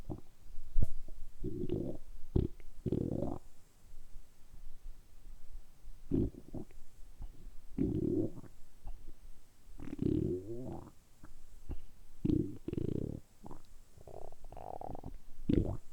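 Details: Deliberately produced stomach rumbling (borborygmi), kept up continuously for about 10 minutes in a close-up ASMR recording. Repeated low gurgling rumbles in bursts, ordinary stomach rumbling.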